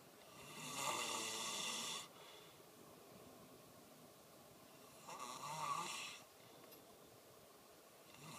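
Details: Two long, rough, rattling snoring breaths a few seconds apart with quiet between them; ordinary snoring during sleep, recorded 2013.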